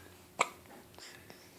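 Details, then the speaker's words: A single abrupt, sharp catch of breath, a hiccup, in a quiet room. "You got the hiccups. You got the hiccups."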